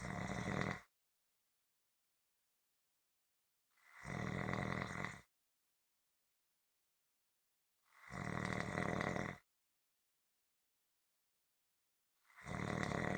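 Rhythmic, rumbling snores about every four seconds, roughly 15 a minute, with silence between them.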